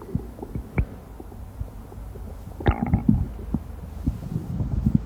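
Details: Amplified recording of human stomach rumbling: bowel sounds (borborygmi).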